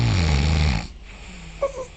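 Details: Roommate snoring loudly through the night like a chainsaw: a loud, rough, low snore fills the first part, then fades to quiet room noise; heavy snoring.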